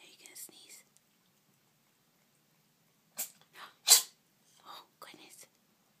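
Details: Several small, sharp hissing bursts in a quiet room: a cat sneezing repeatedly.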